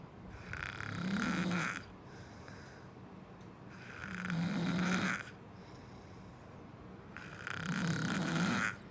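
Three regular snoring breaths, each a hoarse, fluttering in-breath, at about 20 breaths a minute: snoring.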